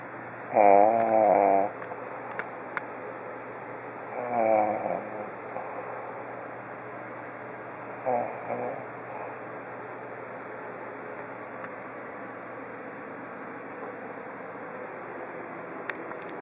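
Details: Three rattling, vibrating snores on inspiration, about four seconds apart and fading, over steady room hum, from someone sleeping nearby: snoring.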